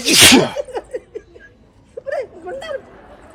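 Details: One loud, explosive sneeze aimed at someone in a comedy short, followed by laughing voices in the background.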